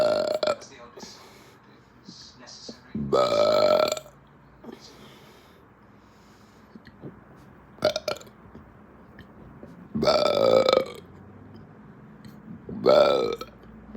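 Several long voiced burps with quiet talk and room noise between them.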